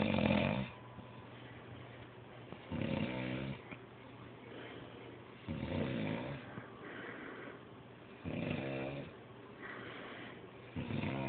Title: Loud snoring funny